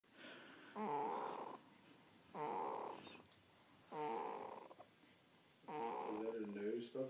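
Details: Female snoring during sleep: four slow, rhythmic, buzzing breaths with a nasal, whistling edge, about 35 per minute.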